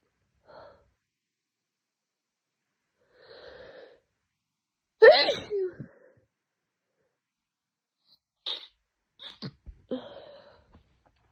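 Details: A person with a severe two-day head cold, nose burning, sneezes several times in a row, some sneezes preceded by a sharp intake of breath.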